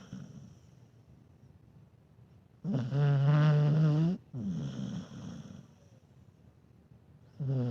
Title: Dog snores not too bad. Dog snoring when sleeping